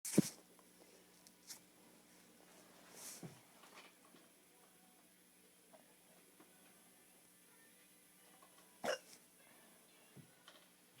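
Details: Drunk person with hiccups: a few sharp, abrupt hiccup sounds, widely spaced over quiet room noise; hiccups.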